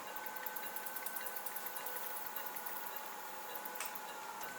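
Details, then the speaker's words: Phacoemulsification in a 70-year-old man with a long-standing rock-hard hypermature cataract and poorly dilating pupil, using vertical chop: steady low machine hum with soft rhythmic pulsing as a free nuclear fragment is emulsified; nucleus emulsification. "now i have a free fragment which is pulled out of the bag and emulsified in the end chamber"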